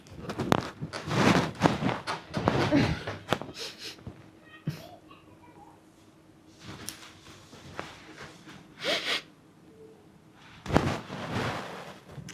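Loud, rough snorting breaths recur every few seconds with quieter gaps in a small room. This is acted snoring by an adult performer.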